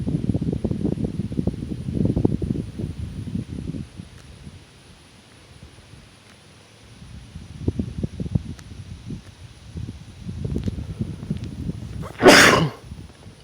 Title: Myself,a sneeze,snotty mess